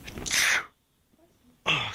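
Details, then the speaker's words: Sneezes done as a prank, the sneezer claiming a severe sneeze: a loud, forceful, hissing sneeze, a brief pause, then the start of a second burst; sneezing. "yeah oh I'm just sneezing dude"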